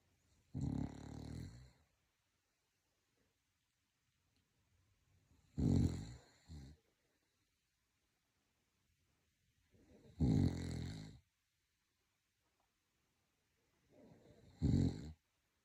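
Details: Sleeping pug snoring loudly: rattling snores about every four to five seconds, roughly 13 a minute, with silence between.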